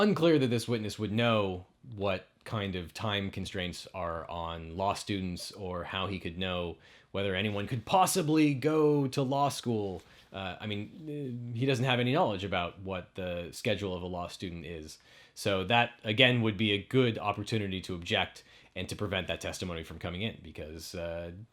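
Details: Adult male speaker; normal speech.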